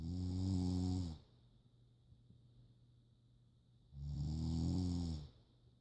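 Two long, loud, low rattling breaths with a quiet pause between them: snoring from a sleeping animal.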